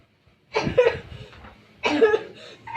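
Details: Student acting out a demonstration of proper coughing and sneezing etiquette during Covid-19: two short, forceful coughs a second apart in a quiet room; staged cough.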